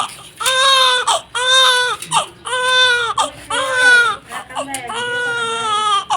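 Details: A newborn baby girl gives repeated strong, high-pitched wails about once per second, with short breaths between cries: a normal newborn cry.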